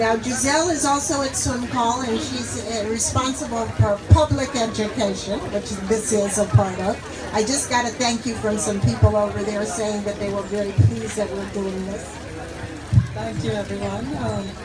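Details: Adult speaker addressing a gathering; ordinary speech.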